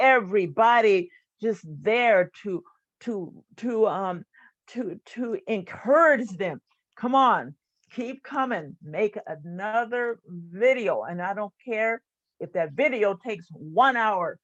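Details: Stuttering in an adult woman, a retired employee and stuttering support group leader who has stuttered since about age seven.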